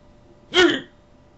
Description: done got her the hiccups.